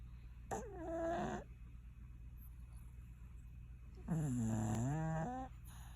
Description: Our cat Stinky snoring away in dreamland...